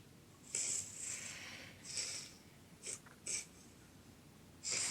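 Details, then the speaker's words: A girl lying down, awake but unresponsive with eyes rolling during an episode after taking a concoction of drugs, filmed by her mother; irregular, hissing breaths with uneven pauses: abnormal noisy breathing. "her eyes are rolling in her head she's awake but when she's like that she's not responded to you and her breathing's funny you hear the breathing"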